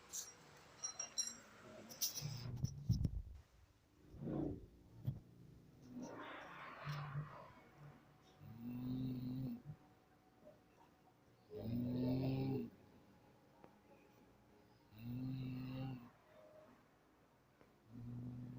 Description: Koki ngorok